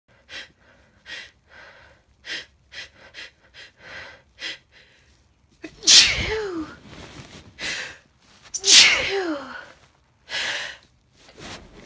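Short gasping breaths building up, then two loud forceful sneezes with breaths in between, and quieter sneezes to follow.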